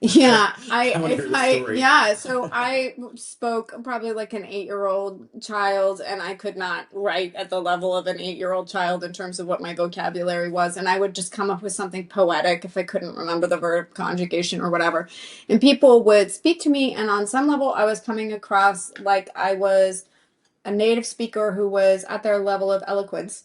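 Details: Adult speaker in conversation; ordinary speech.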